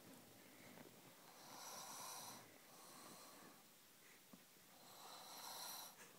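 Slow, soft breaths with a hissing, noisy quality and faint fluttering on each breath, heard against room noise. Light snoring.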